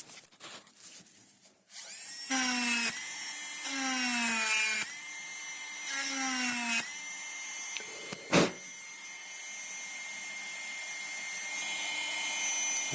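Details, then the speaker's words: High-speed dental handpiece, high steady whine dipping as it cuts with short pauses between passes, during distal reduction of a mandibular first molar (#36) on a typodont model for a full veneer crown, halfway through the tooth. "Now if you appreciate, I have gone through half the length of the tooth. Okay, I've almost gone through the tooth."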